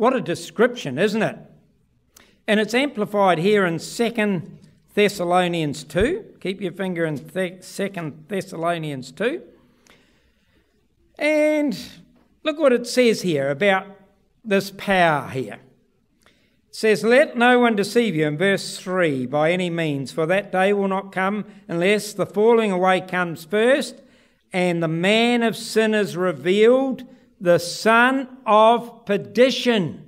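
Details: Adult male speaker; typical speech.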